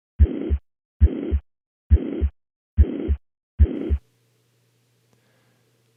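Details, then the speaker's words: 60-year-old man with shortness of breath: mitral regurgitation murmur, best heard with the stethoscope diaphragm at the apex. "for the first case we have a 60-year-old man with shortness of breath this murmur is best heard with a diaphragm at the Apex and is without"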